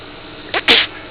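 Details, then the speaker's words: Child pretending to sneeze when asked: a short build-up followed by a single hissing burst; a fake, simulated sneeze. "God bless you. Let me hear you sneeze. Oh, wow. Sneeze again."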